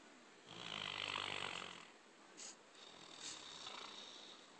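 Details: A single soft, raspy snoring breath, then quieter breathing in a still room; ordinary snoring.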